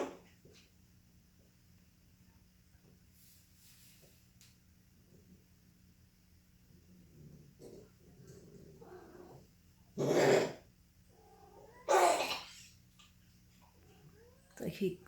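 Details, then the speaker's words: Dog named Jack in a recurring coughing fit with harsh, forceful coughing bursts and retching between them, gagging over and over; fits began mid-afternoon, continue off and on into evening, occur every month or six weeks; cause unknown to owner. "much coughing he just keeps gagging himself over and over and over I'd really like to know what the problem is"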